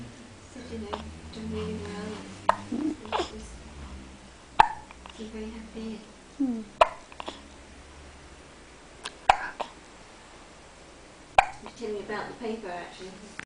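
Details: Repeated short, sharp hiccups at irregular intervals from an eight-day-old newborn baby boy, with soft adult talk and baby sounds between them; hiccups.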